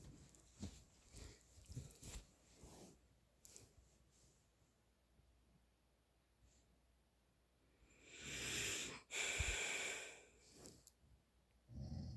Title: My dad snoring more.